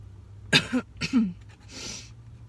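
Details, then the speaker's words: Two harsh dry coughs then a breathy exhale while eating sushi; a lingering, nonproductive cough that keeps going with nothing coming up, speaker feeling better but still coughing. "excuse me this cough sucks it never stops it just keeps going going going"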